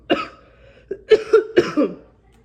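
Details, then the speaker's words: COVID-positive mother with chest pain and a cough she says feels like it is attacking her lungs: three harsh coughs in quick succession with strained voiced catches between them; a coughing fit. "it's more doable than this cough that feels like it's attacking my lungs to be honest you know um"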